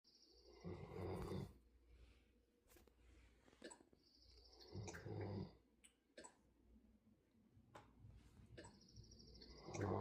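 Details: Giant schnauzer dog asleep in a lap, snoring: low rumbling snores with a faint high whistle about every four seconds, about 15 breaths a minute, with small snorts between.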